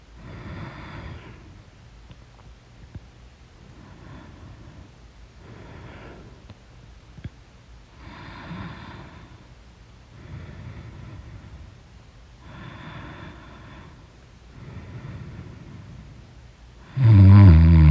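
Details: Snoring in deep sleep: soft, regular snoring breaths about every two seconds, ending in a sudden loud burst.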